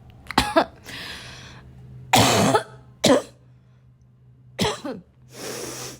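Repeated loud, harsh coughs with throat clearing and noisy breaths between them; a barking coughing fit.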